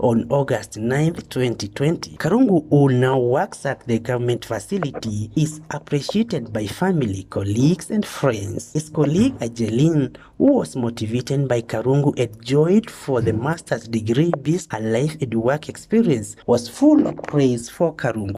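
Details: Adult male narrator; Normal speech.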